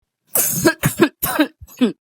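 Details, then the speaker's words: Adult with a cough during cold-and-flu season: four short, harsh cough bursts in quick succession, each with a voiced ending, in a quiet room; acute cough. "Maaf ya, Guys. Aku lagi batuk."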